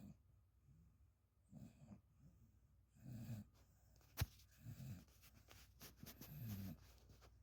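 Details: Sleeping dog snoring: regular low, rumbling snores about every 1.5 seconds, with one brief click and faint room noise; the owner says he is very tired.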